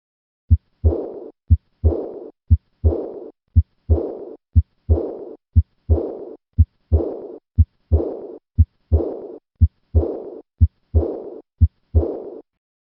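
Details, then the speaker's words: Aortic regurgitation murmur at rest, then louder during a hand grip maneuver that raises afterload: steady heartbeat at 60 per minute with a loud, long, fading blowing diastolic murmur after each second sound. "Hand grip raises central aortic pressure sufficiently to cause an audible change in this murmur at the bedside. Notice the increase in this murmur with a simple hand grip maneuver."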